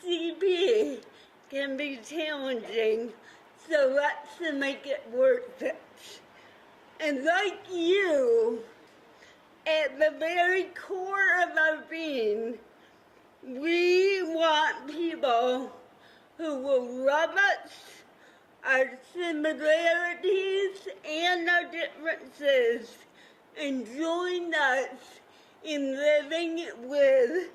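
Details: Adult woman with cerebral palsy, who describes her own voice as having a "CP accent"; dysarthria (cerebral palsy).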